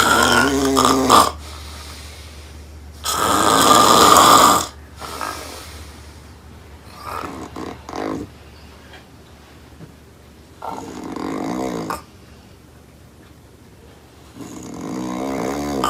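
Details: Snoring from a sleeping woman: loud, rough, rattling snores about 18 a minute, alternating with quieter breaths; heavy snoring in sleep.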